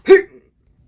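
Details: Acted hiccup in a comedy sketch: a single short, sharp voiced gulp while a friend tries hiccup cures; hiccups.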